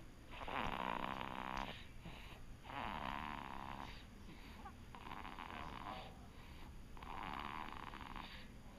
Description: snores while he sleeps, he is just as bad as daddy!